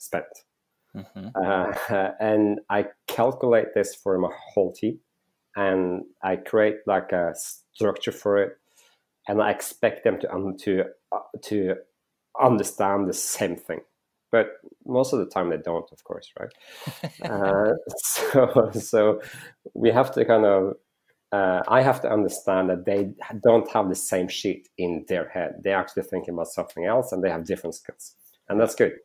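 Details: Adult man with stuttering who says it is audible in this interview and recalls stuttering a lot when raising his hand in class at school; stuttering.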